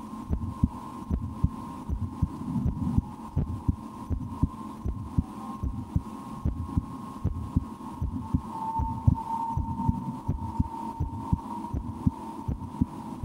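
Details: Steady, regular paired heartbeats at about 75 to 80 a minute, heard through a stethoscope on the speaker's own chest; the speaker holds their breath at times and tries to speed their heart up; normal heart sounds.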